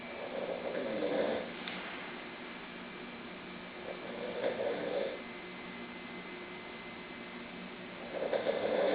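Soft, low snores repeating about every three to four seconds, with quiet room noise between them.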